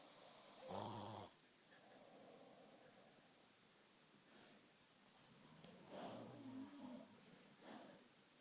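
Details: Sister caught snoring: quiet, soft, rough breathing sounds with one louder snort over faint room noise; light snoring.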